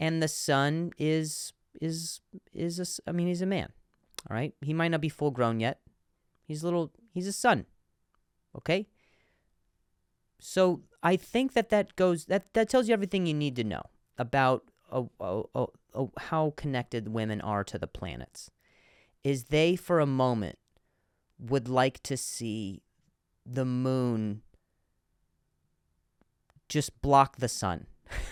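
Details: Adult male comedian who speaks with a stutter, in a podcast monologue; word repetitions are heard; stuttering.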